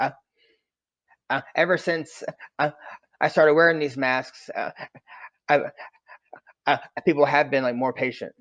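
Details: Adult man who stutters; finding: stuttering.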